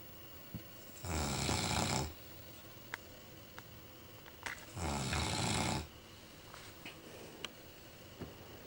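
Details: Newfoundland dog asleep on a Chesterfield sofa, snoring loudly: two long, loud, rattling snores on inspiration with quiet breathing between; snoring.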